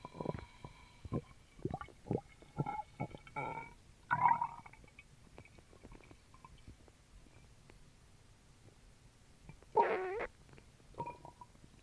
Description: I drank a small can of Sprite while recording my stomach and it caused quite a ruckus. You can hear it fizzing down as I drink.